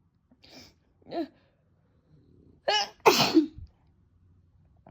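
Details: Mother's repeated sneezing, soft breathy bursts building to two loud sneezes in quick succession in a quiet room, while her 3-month-old baby laughs at it; sneezing.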